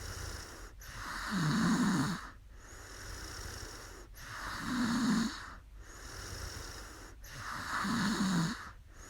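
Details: Woman snoring after falling asleep on a live stream: steady rhythmic snoring, about 19 breaths a minute, with a rough rattle on each breath over steady background hiss.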